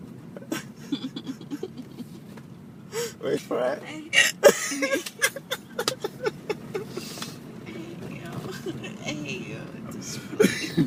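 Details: Repeated short, sharp hiccups recur irregularly between bits of voice and breathing during a filmed outdoor interview, with faint traffic noise; the person's uncontrollable hiccups keep interrupting their speech.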